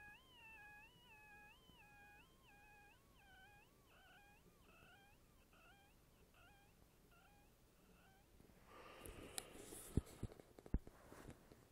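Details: Pulsatile wheeze in an obese adult with high blood pressure and a history of SVT, heard only when lying flat on the back: a high whistling tone pulsing about 78 a minute, in time with the heartbeat.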